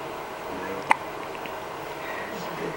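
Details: Infant with hiccups, possibly from swallowing air while drinking milk: one sharp, brief catch-like hiccup sound against steady room hiss.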